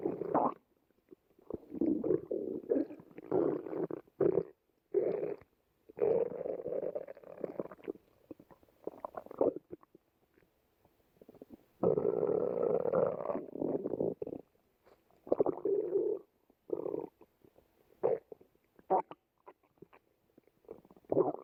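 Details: Belly sounds of a growling stomach: irregular gurgling and rumbling bursts; ordinary active bowel sounds (borborygmi).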